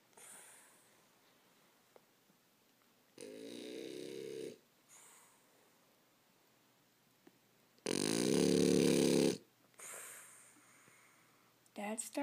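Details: French bulldog snoring in its sleep: loud, rattling, whistling snores on the in-breaths alternating with softer hissing out-breaths, about 12 breaths a minute.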